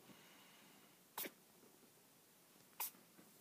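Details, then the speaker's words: Two short, sharp, hissy bursts about a second and a half apart in a quiet room: a kitten sneezing twice while exploring a couch; owner thinks fleas may be back on her face. "She's just sneezing. She's just a sneezy bitch. Isn't she a sneezy bitch?"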